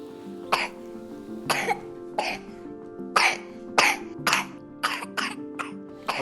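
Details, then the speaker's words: A child's intense wet cough, described as sounding like shooting: a run of about ten sharp, loose coughs over soft background music. "вы сейчас слышите как кашляет ребенок он кашляет как будто стреляет это влажный интенсивнее кашель"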